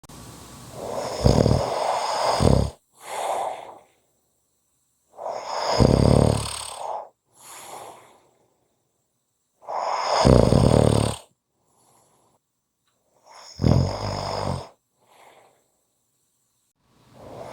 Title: Short snoring Audio